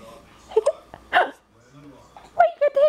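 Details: Several short voiced catches and abrupt gulps within a few seconds, with small whimpering sounds between, from a little girl who gets hiccups often: hiccups.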